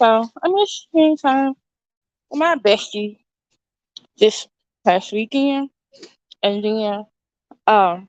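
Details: Woman with an overbite who recently got braces and a tongue crib ("tongue tamer") that stops her tongue pushing against her teeth; she calls it her current speech impediment; lisp-like articulation distortion from the orthodontic tongue crib.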